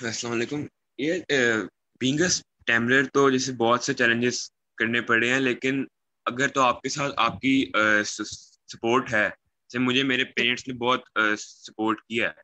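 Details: Young man who stammers, speaking Hindi on a stammering awareness panel; stuttering with repeated words.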